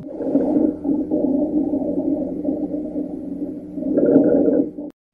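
Low, continuous snoring rumble through the breath cycle, typical of rhonchi from secretions in the large airways.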